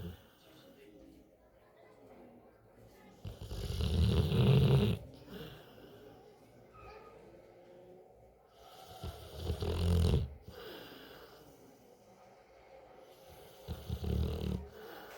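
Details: A sleeping Rottweiler dog gives loud, rumbling, fluttering snores on about three breaths, with quieter breathing between them: snoring.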